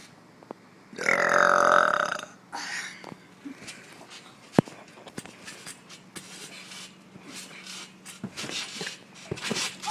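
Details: Deliberate burping, done as tricks: one long, loud belch lasting about a second, then a shorter one, followed by soft clicks and room noise.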